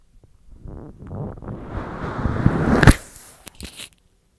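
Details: Belly recorded after eating hotdogs following 10 hours of an empty stomach: low rumbling and gurgling that builds, then a sharp pop and a few short gurgles, active digestive bowel sounds (borborygmi).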